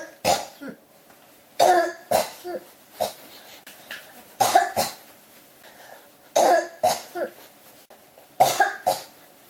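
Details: Persistent coughing that won't stop: repeated bursts of dry-sounding coughs in close clusters, about fourteen coughs in under ten seconds.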